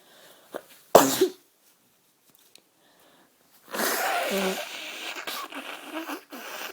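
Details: Sick person coughing and sneezing all day: a sudden loud sneeze, a pause, then a longer run of rough, breathy bursts in a small room; sneezing.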